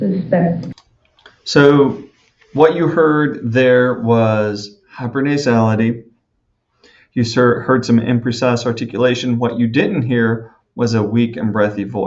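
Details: Adult speaker; normal speech.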